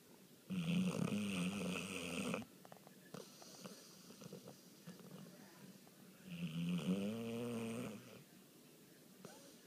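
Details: A heavy sleeper whose snoring can be heard from the next room gives two long, loud, low buzzing snores on the in-breath, with a fluttering rattle and quieter breathing between them. Snoring.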